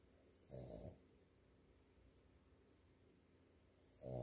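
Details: Two low rumbling snores about three and a half seconds apart in a quiet room: snoring during sleep.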